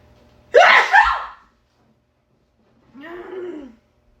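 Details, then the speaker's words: Single loud sneeze with sharp intake and a short vocal sound after, sudden with no time to cover; sneezer then says they sneezed on their hand and will wash it. Ordinary sneeze. "I sneezed on my hand and I'm gonna wash it. But that doesn't mean that anything gross got on my hand, but it was probably invisible germs."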